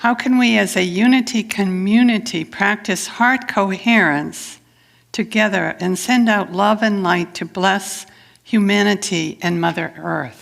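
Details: Adult woman speaking; Normal speech.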